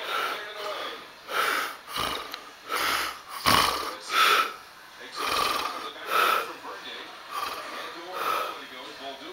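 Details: Adult man (a father) snoring during sleep: loud, rough, rattling snores with each breath, about 30 a minute, in a quiet room; ordinary snoring.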